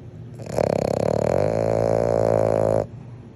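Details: Frenchton (small flat-faced dog) snoring while sleeping with eyes wide open: one long, buzzing, fluttering snort-snore lasting about two seconds.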